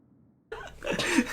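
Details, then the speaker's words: Cough from a sick adult during a gaming recording: a single sudden explosive burst after silence. "i'm dying though i'm sorry i'm sick you guys chose like the worst days to record"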